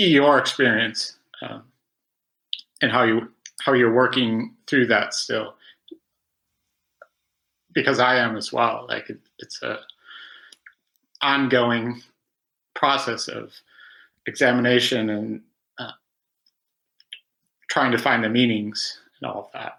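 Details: Stuttering in an adult male who has stuttered since about age five, after about 20 years of speech therapy; longtime member of stuttering self-help organizations.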